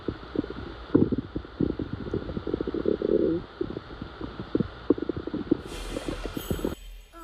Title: loud stomach growl